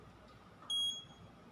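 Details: Alarm from a syringe pump during a teaching demonstration of setup, after the syringe was filled with excess air and the rate was being set; syringe pump alarm.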